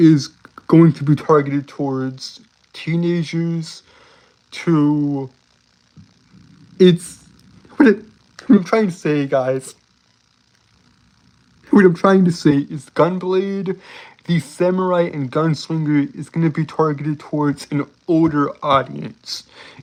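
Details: Adult male with a self-described speech impediment that makes him stutter and trip over his words, stuttering throughout his speech; stuttering.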